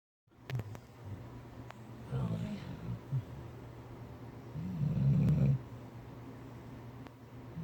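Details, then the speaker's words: Dog snoring loudly in bed: two low, rough rumbling breaths in a quiet room, the louder one near the end. "That's what we deal with. This dude be snoring really hard."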